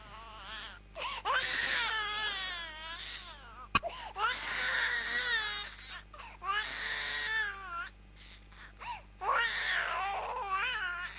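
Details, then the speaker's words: Infant's first cry played as an example of early expression: repeated rising and falling wails with breaths between bursts over a steady room hum; a normal infant cry. "primer llanto y como en los primer en el primer año van sucediendo distintos momentos dentro de la expresión del niño"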